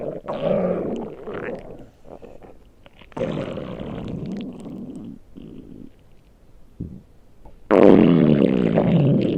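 Loud, low, drawn-out rumbling and gurgling bursts from the belly, an ordinary growling stomach.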